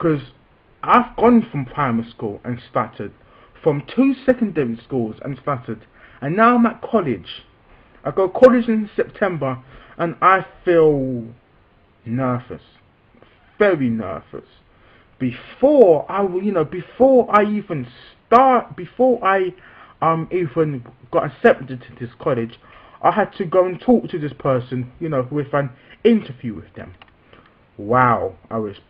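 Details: 16-year-old male with a stammer since childhood; he reports occasional stops and fast speech, and says he must control his speech to keep it smooth. Stuttering (stammer).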